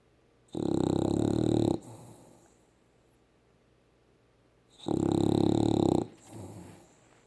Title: Mommas boy snoring on my lap